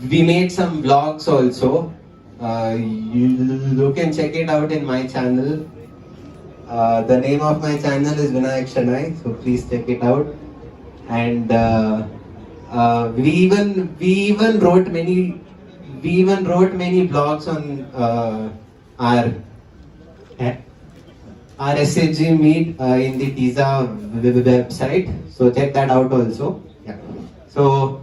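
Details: 20-year-old male who stammers, giving a talk at a stammering self-help group national conference; stuttering.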